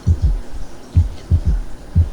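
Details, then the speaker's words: Third heart sound (S3, ventricular gallop): low-frequency extra dull sound early in diastole after S2, giving a three-beat gallop, from rapid ventricular filling against a hypotonic ventricular wall; best heard with the stethoscope bell. "ruido cardíaco o galope ventricular dado durante la fase de llenado ventricular rápido en la proto diástole al golpear la sangre que pasa de aurícula izquierda a ventrículo izquierdo y golpear de lleno contra una pared hipo tónica se escucha más o menos así"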